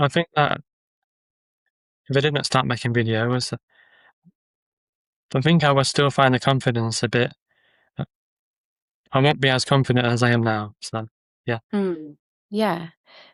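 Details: Adult man with a stammer who uses social media videos to build confidence; word and phrase repetitions and pauses; stammering (stuttering).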